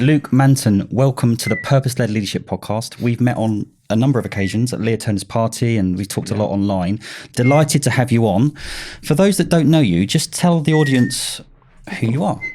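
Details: Adult male podcast host; Normal speech.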